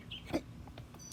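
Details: A person with Tourette syndrome, diagnosed at 13, describing his past tics: a single brief, sharp, squeaky vocal noise, demonstrating a simple vocal tic.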